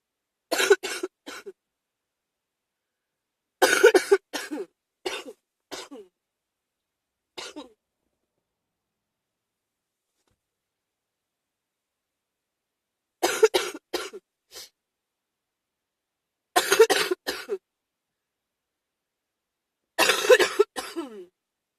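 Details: Person with a spring cold, still coughing: repeated bouts of short, harsh coughs in clusters of two to five, separated by quiet pauses.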